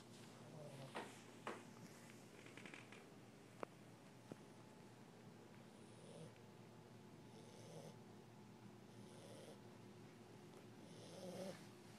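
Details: An English bulldog puppy asleep on a cool floor snores softly. The breaths are rhythmic, with faint snorts and light room noise.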